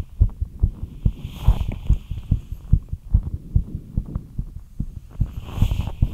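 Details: Heartbeat after light exercise: rapid, fairly regular, low thumping at roughly 140 beats a minute; a fast heartbeat.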